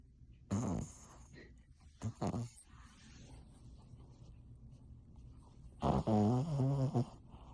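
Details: A sleeping female Cavalier King Charles Spaniel, seemingly dreaming and hard to wake for about two minutes, gives loud, rough snorts and a drawn-out groaning snore, with quiet room noise between them: snoring.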